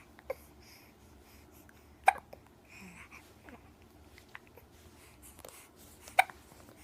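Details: Two sharp hiccups about four seconds apart, with small catches and soft breathing between them in a quiet room; annoying hiccups.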